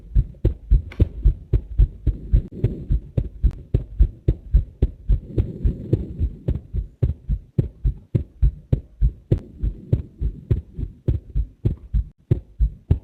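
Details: Steady, strong lub-dub heartbeats from an adult, with a low hum and music underneath, recorded as a heart sound for a heart MRI video; ordinary heart sounds.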